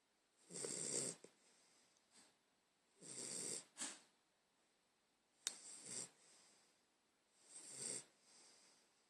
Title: Shi Shi Snoring